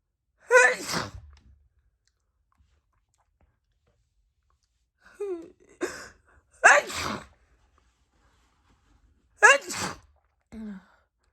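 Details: Woman at night just out of the shower, nose very itchy: three loud wet sneezes, each preceded by a rising 'ah' and ending in a sharp release, with brief vocal sounds afterward.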